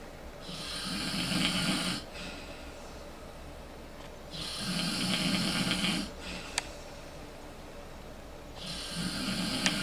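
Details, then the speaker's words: Someone's extremely loud snoring heard at night around 2 a.m. in a hotel, despite Breathe Right snore relief: rough snore on each inhalation, about 15 breaths a minute, quiet pauses between, faint room noise. "the reason why I can't sleep is someone's snoring Extremely Loud but you you guys tell me if you think this Breathe Right snore relief is working"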